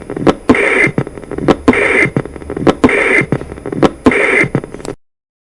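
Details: Patent ductus arteriosus: harsh continuous machinery murmur rising and fading with each beat through both systole and diastole.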